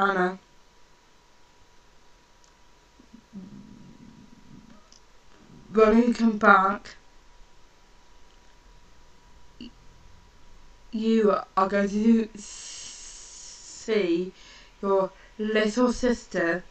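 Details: Woman who stammers, speaking slowly in short phrases with long pauses while practising stammer control; stuttering.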